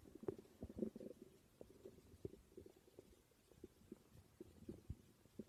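Irregular low gurgles and rumbles with soft pops of gas and fluid moving through the gut: ordinary stomach growling.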